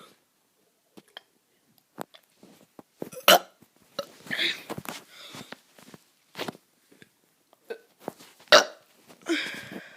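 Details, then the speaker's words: Child doing deliberate, forced burps: a series of short voluntary belches with gaps between them; burping. "guys, I'm gonna be doing some burps."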